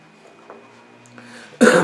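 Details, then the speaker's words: One short, forceful, harsh, dry-sounding cough from an adult man who says his flu will not pass and he cannot get rid of a throat tickle, after a moment of quiet room hum. "Bu grip geçmiyor abi yani şu gıcığı atamadık bir türlü Neyse benim video kesme olayım Yok ya bütün öksürük duyuyorsunuz"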